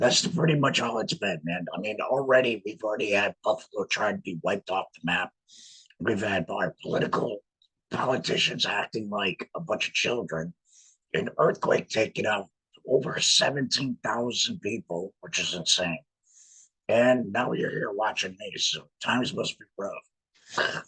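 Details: Man with a laryngectomy who speaks with a voice prosthesis in a tracheoesophageal puncture, sending trapped air up through the prosthesis to vibrate muscle; tracheoesophageal speech after laryngectomy.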